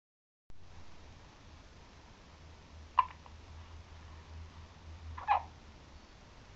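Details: An infant aged 1 month 8 days lying in a crib gives two short, sharp hiccups about two seconds apart over a quiet room hum: hiccups.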